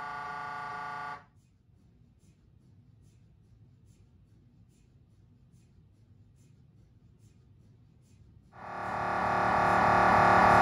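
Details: Loud droning, a quiet gap with faint regular ticking, then a rising loud buzz: coronal T2 gradient echo (GRE) sequence during a brain MRI on a GE Signa Excite 1.5T scanner.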